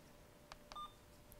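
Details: Infusion pump programmed in a nursing lab for a secondary-line vancomycin infusion, 500 mg in 100 mL at 100 mL/h over 60 minutes, primary at 75 mL/h: two soft key clicks, then a short electronic beep.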